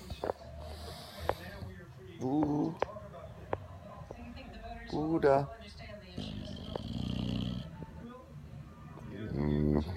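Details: A sleeping English Bulldog snoring so loudly it keeps its owner awake, refusing to wake: irregular snorting, rattling snores with room noise and clicks in the background.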